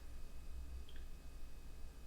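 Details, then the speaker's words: Stethoscope auscultation over the abdominal aorta of a patient lying supine during a physical assessment, after normal active bowel sounds in all four quadrants. No abdominal aortic bruit is heard. "And we hear no bruit."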